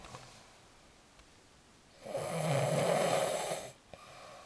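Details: A friend snoring like a sea lion: a single loud, harsh, honking snore lasting under two seconds in a quiet room; snoring.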